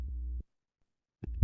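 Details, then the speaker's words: Pathological heart sound from a person with a murmur, recovered through an earphone-based wearable system: a brief low, muffled humming heart sound, then a pause and the start of another. Heart murmur. "We also like you know test our system on those pathological her sounds for example people with murmurss."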